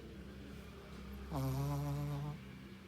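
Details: Sleeping Shih-poo dog snoring: a single low, buzzing, droning breath sound about one second long over steady room hum.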